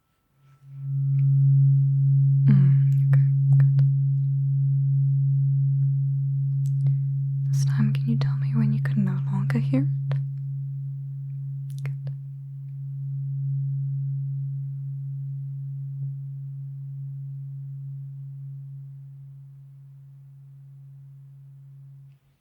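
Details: Role-played ASMR cranial nerve exam hearing test, eyes closed, binaural: a low, steady tuning fork hum slowly fades over about twenty seconds with a brief soft whisper; the listener is asked to report hearing it.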